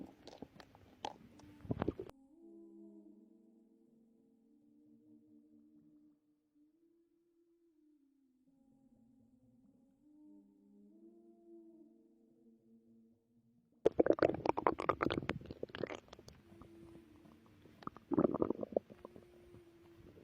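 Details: Bowel sounds from a pregnant woman's abdomen, recorded before contractions began; a long, shifting, tuneful gurgle: ordinary stomach growling, a normal sign of active bowels.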